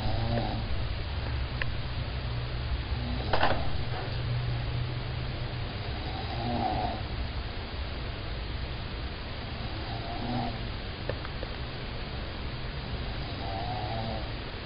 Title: Ngorok.mp4